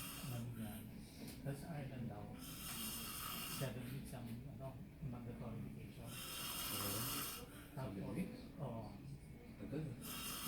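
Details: Adult snoring: irregular, snorting breaths with rough fluttering and a few louder hissing exhalations over steady room noise.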